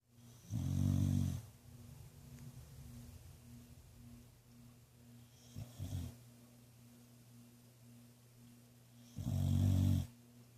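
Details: Snoring from an animal awaiting adoption: deep, rumbling snores with quieter snuffling breaths between, over a steady low electrical hum.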